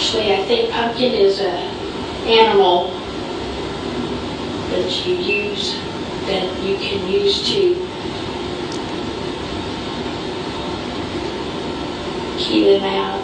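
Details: Female patient with semantic variant primary progressive aphasia and extensive left temporal atrophy, defining words she reads fine but with profoundly impaired word comprehension, plus semantic anomia; semantic variant primary progressive aphasia.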